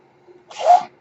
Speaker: that noise you're hearing is my ventilator